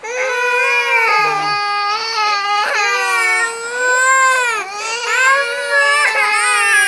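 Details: Infant cries loudly and steadily in long rising and falling wails; ordinary infant crying.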